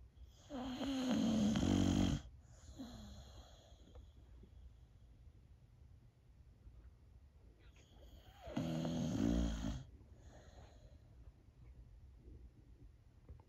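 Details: Old female Boxer dog, feeling a little down, snoring while asleep: two loud, rough snoring breaths about seven seconds apart, with quiet breathing between them.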